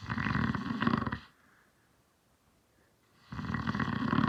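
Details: Snoring from a sleeping adult man, the uploader's father.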